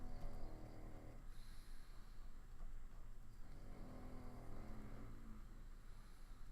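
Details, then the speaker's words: Pet dog sleeping in the background of a live stream, snoring with a slightly wheezy sound. "my dog is snoring in the background can you hear that I bet it leaks through sometimes yeah it's a little bit wheezy it adds to the ambience"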